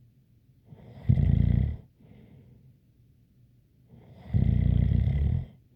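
Two loud rattling inhaled snores about three seconds apart with a light whistling edge and softer breaths between; snoring.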